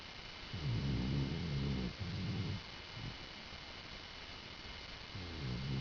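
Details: Pet dog sleeping on its owner's bed: low, rumbling, vibrating snoring breaths with a steady hum in the background.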